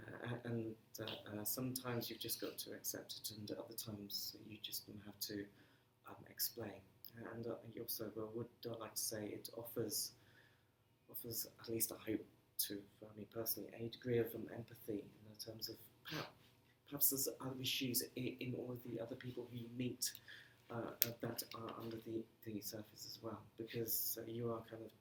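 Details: Stammering in an adult man who says he has been "breaking up" on the phone for 30 years; stammering.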